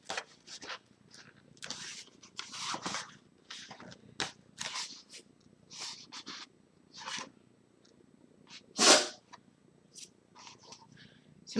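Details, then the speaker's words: A dog gives a single sharp sneeze among quieter hissy snorts and paper-crafting rustles; sneeze. "mon chien que vous avez entendu éternuer."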